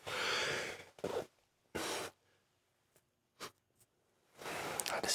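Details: A single sharp sneeze during a simulated ASMR doctor roleplay nose and throat exam, in a quiet room with soft breaths and rustling around it.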